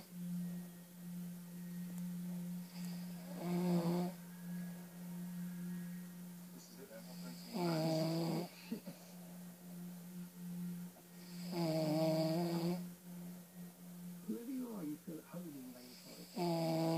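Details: Adult man (the uploader's father) asleep, snoring loudly with buzzing snores about every four seconds over a steady background hum; ordinary snoring.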